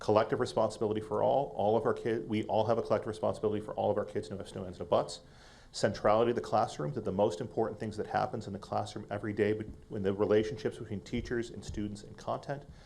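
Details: Adult man speaking; typical voice.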